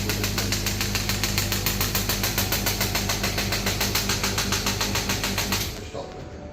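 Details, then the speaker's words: Shock wave therapy machine demo: after the start button is pressed, the handpiece fires rapid, regular mechanical clicking pulses at about 3–4 per second, then stops. "Start का button दबाएंगे। Start हो गई। Machine को start कर देंगे।"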